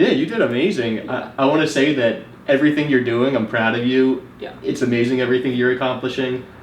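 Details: Adult male speaker; typical speech.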